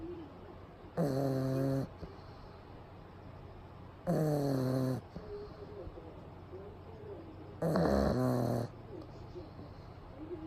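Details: Pug sleeping during a daytime nap with eyes rolled back showing the whites, recorded close up; three loud, rattling, buzzy snores about three seconds apart, roughly 19 a minute.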